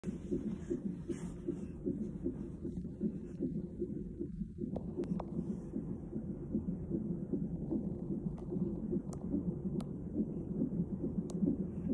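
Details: Fetal heartbeat recorded around an emergency C-section: rapid, rhythmic whooshing beats at about 150 a minute under steady background noise.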